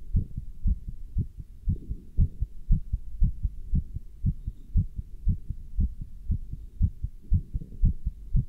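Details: Person wearing a stethoscope and chest band while standing still and lifting dumbbells: regular low heartbeat thumps at about 118 a minute, fast but steady; normal heart sounds.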